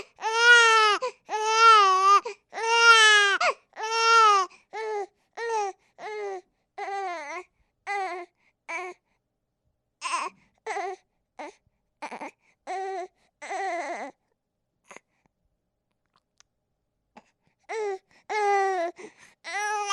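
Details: Baby sound sample: rhythmic crying, long wails easing into shorter whimpering cries, then brief pauses before crying resumes; infant crying.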